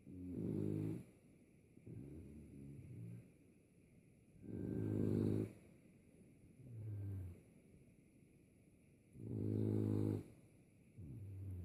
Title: Frenchie, Tazzy, Off-switch Snore 01-12-18